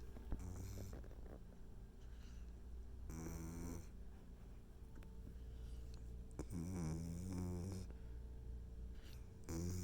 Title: puppies snoring 😂